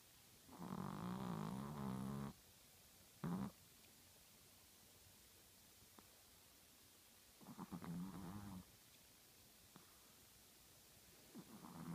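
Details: A female dog snores loudly enough to wake her owner nightly, with rattling snores about every six seconds and quiet pauses between them; the vet said she was fine, though the owner doubts it is normal.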